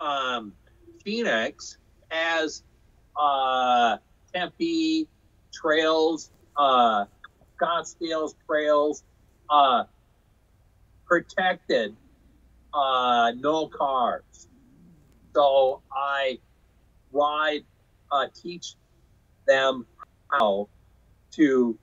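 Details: Non-fluent aphasia in a man after a stroke in 2005 caused by hereditary hemorrhagic telangiectasia (HHT); he says he had or still has aphasia.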